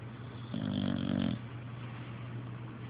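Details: Ruru, a dog, snoring very loudly: one loud, rattling, vibrating snore lasting under a second against steady room hum.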